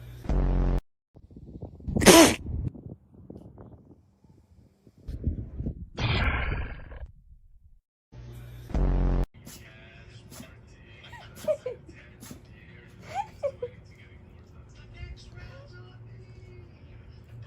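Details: Dogs sneezing: several short, sharp nasal bursts with brief quiet gaps and some room noise between them.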